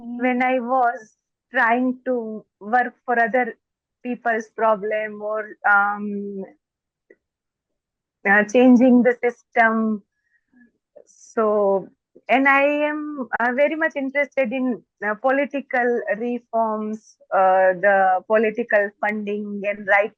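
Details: Adult woman, a doctor, who stammers, and more so when excited; stammering (stuttering).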